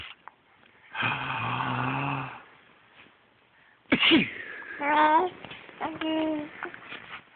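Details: An adult man's sneeze: a drawn-out noisy breath leading into a sharp, explosive sneeze, followed by short voiced sounds, with a baby nearby.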